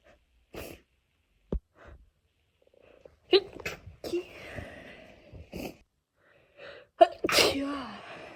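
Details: Girl's wet sneeze: a quick breath in, then a forceful, wet-sounding sneeze, with faint sniffs and small sounds before it.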